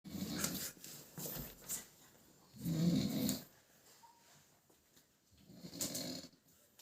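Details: Snoring in a sleeping dog: soft, rumbling snores in short repeated bursts with quiet gaps.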